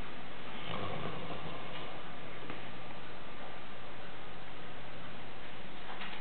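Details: Landseer dog snoring during sleep: low, rumbling breaths, an ordinary sleep noise.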